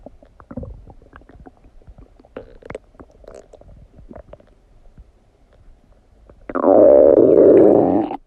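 Faint gurgles build into a loud, prolonged rumbling gurgle; ordinary stomach rumbling during digestion.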